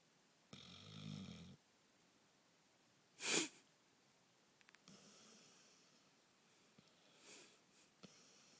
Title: Snoring